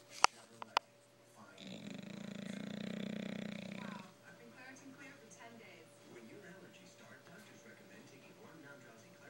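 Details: Sleeping bulldog, a very mild bout of its snoring: one long, low, rattling snore lasting about two and a half seconds, then quiet breathing noise in the room; dog snoring in sleep.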